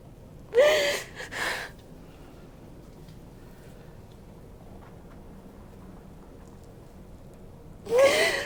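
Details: Two sharp voiced gasping breaths in quick succession, quiet, then a third, from a woman during fascia healing with chiropractic adjustment; gasping inhalation.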